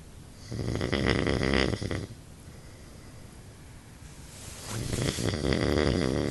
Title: Snoring husband